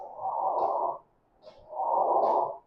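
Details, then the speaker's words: Blowing heart murmur: two long whooshes separated by a short gap, without crisp heart sounds, presented in a clinical cardiology teaching seminar. "The sound of the second heart sound which is listen at the aotic area is high high frequency sound. This is a murmur."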